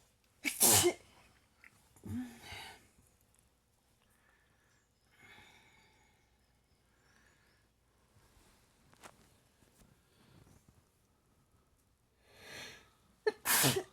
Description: Every morning is like this, sneeze, sneeze, sneeze.....